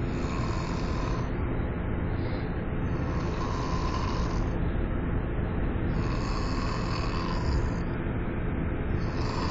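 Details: Person snoring while travelling back from a rally: steady low rumble with repeated rasping snores about every two to three seconds under heavy background noise; snoring.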